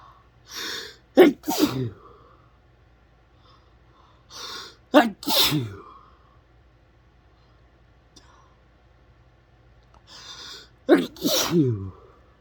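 Three loud sneezes, each with a sharp intake of breath before the burst, a few seconds apart in a quiet room.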